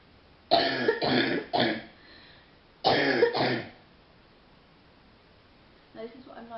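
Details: Young woman sitting on a bed on a phone call, under the weather and worse at night lying down: two real coughing fits, three then two harsh, deep chesty coughs over phone-quality sound.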